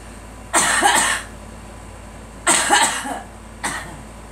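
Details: A girl coughs three times in loud, harsh bursts with quiet pauses between them: cough.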